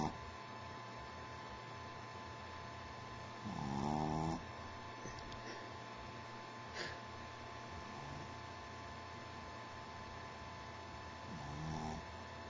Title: Riley, The Meandering Pup Snores